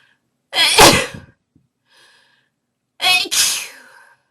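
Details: Induced sneezes: two forceful, explosive sneezes a couple of seconds apart, each a sudden hissing burst of air.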